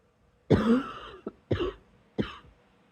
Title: # 155 it's a quiet good night cough but I still need to get this lil thing out xox